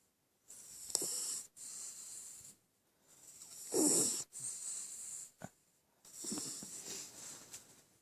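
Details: Female West Highland White Terrier fast asleep: hissing, snuffly breaths every second or two with rough nasal noise; snoring.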